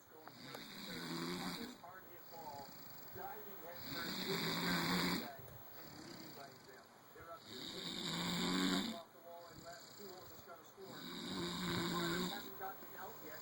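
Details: Adult woman (wife) snoring during sleep: loud, rattling snores on each breath in, about 17 per minute and fairly regular, with quiet breathing between them.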